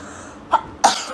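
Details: Two short, sharp, explosive bursts, either a cough or a sneeze, against quiet room noise, from a compilation of Blackpink members sneezing.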